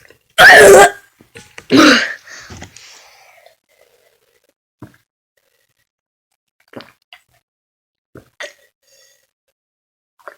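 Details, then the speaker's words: Two loud, deep belches in a row, followed by quiet small sounds; ordinary burping. "okay guys this is another copyrighted video of uh burping part two"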